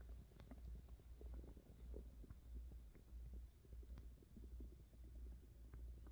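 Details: Adult woman's hunger-related stomach growling: low muffled gurgles and soft pops over a steady deep hum; ordinary borborygmi of digestion and hunger.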